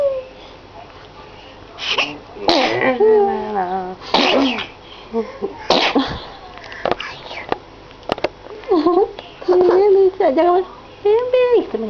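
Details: Baby girl some weeks old sneezing: several short, sharp sneezes, with adult voices and baby sounds in between.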